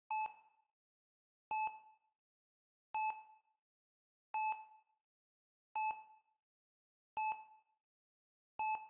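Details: ECG heart monitor heartbeat beeps in a relaxation recording: steady, evenly spaced double electronic beeps, about 42 a minute, in an otherwise silent background.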